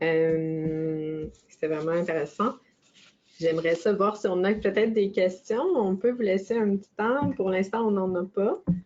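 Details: Adult woman speaking French; ordinary speech.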